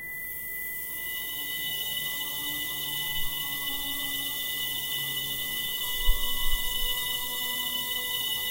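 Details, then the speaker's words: Simulated tinnitus demo for notched sound therapy: a steady high-pitched ringing tone over soft classical music (Bach) with the 2 kHz band filtered out. The rough cut edges can make the music sound slightly noisy, less full. "그럼 아무래도요 잘라내면 이거를 우리가 아주 깔끔하게 딱 잘라내는게 아니라 자세히 보면은 굉장히 그 칼날의 배인 것처럼 좀 이렇게 뭐라 그 거칠게 잘리게 되거든요이 거칠게 잘린면 때문에 어떤 소리가 좀 그렇게 약간의 좀 그 뭐라 그럴까요 그 소음이 섞인 것처럼 들릴 수가 있습니다"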